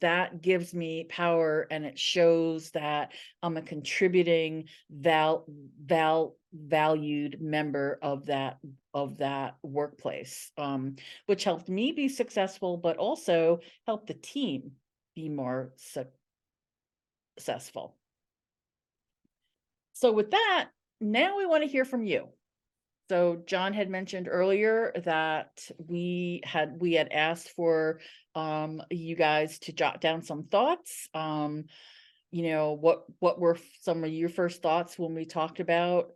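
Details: Adult woman who identifies as a person who stutters and has been a National Stuttering Association member for 17 years; real, non-acted speech showing stuttering.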